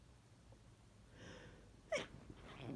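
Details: Adult with a cold that began the day before, an extremely sensitive nose and heavy congestion, inducing sneezes: a soft in-breath building to one short sneeze, then quiet breathing.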